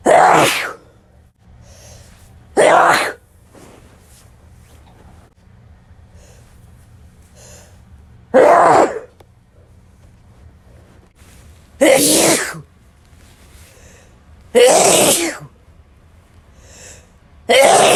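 Six loud, explosive sneezes spaced several seconds apart, each a sharp burst with quiet room noise between.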